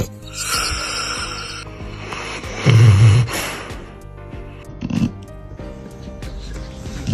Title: Dogs snore when they sleep#dog #funny #hh #funnycats #fyp #dogsoftiktok #dogs